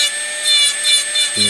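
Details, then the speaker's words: Acrylic bur on a rotary handpiece trimming resin flash and voids of chairside processing material around a Locator housing in a complete denture: high-pitched whine in pulsing passes with a gritty rasp. "so i'm going to go ahead and grab an acrylic bur i typically like to use a bird that has that type of shape just to clean off this excess right in here"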